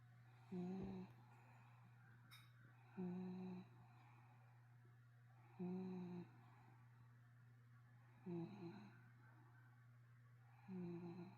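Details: 12-year-old 25 lb terrier/Corgi mix dog sound asleep, snoring quietly: regular short buzzing rattles on the in-breath, about 23 a minute, over a steady low room hum; snoring.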